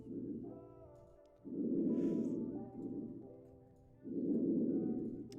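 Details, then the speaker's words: Normal breath sounds on a nursing vSim simulator of a post-operative patient, auscultated over the lung fields: soft, regular breath swells with no added noises. "Let's listen to these lung sounds. One here that sounds good. This is the right upper lobe. Sounds normal, I guess."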